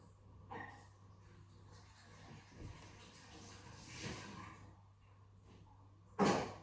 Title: Sneezing And Nose Blowing In Kitchen